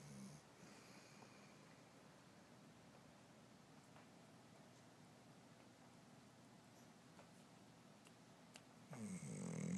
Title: Snoring dog haha